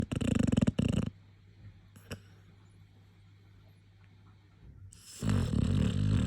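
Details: Dog snoring very loudly: coarse rattling snores at the start and end, separated by a quiet pause.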